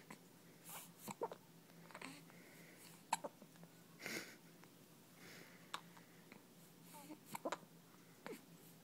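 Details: Soft, sharp catches of breath recurring irregularly over a steady room hum, about eight in nine seconds, from a person hiccuping while trying to have a bowel movement; hiccups.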